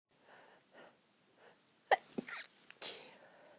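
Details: Woman trying to sneeze quietly while lying next to a sleeping friend: soft breathy puffs, then a sharp muffled burst and a few quick stifled sneezes with a catching breath.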